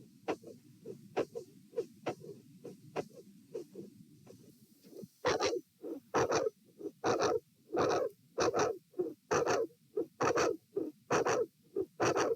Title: Heart Sounds - Auscultation Stress Test A, Very Loud Mid/Late Systolic Sound with S2 Murmur